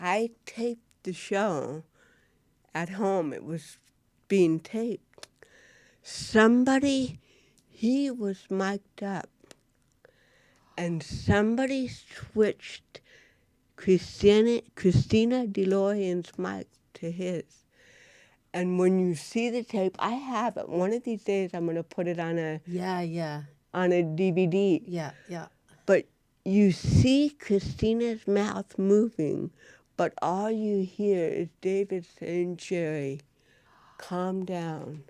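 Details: Adult woman with cerebral palsy since birth, diagnosed at 18 months; real, unacted speech in a studio interview; dysarthria (cerebral palsy).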